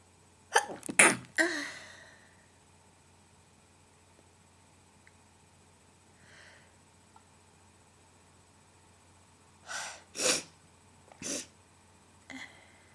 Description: Induced, wet and one stifle in there.